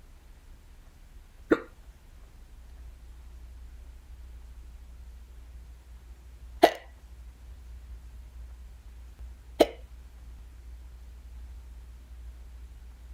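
Three sharp, brief hiccups a few seconds apart over a low background hum.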